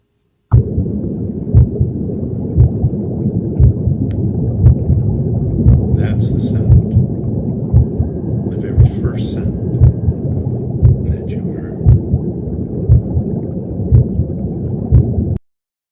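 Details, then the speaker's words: Recording of sound inside the womb, heard by the fetus from about 15 weeks: deep rushing whoosh with soft regular thumps about 58 a minute, the mother's heartbeat; intrauterine sounds. "that was of course the sound of the inside of the womb it's one of the first acoustic stimulus stimuli i guess because there were multiple sounds that you heard started about the time you were 15 weeks old"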